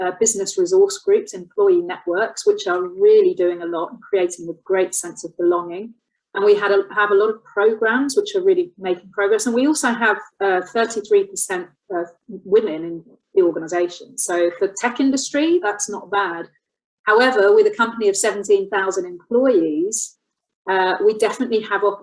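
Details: Adult woman speaking; normal speech.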